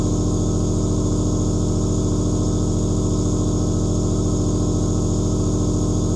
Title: Asmr Nebulizer Aerosol White Noise 1/2 Hour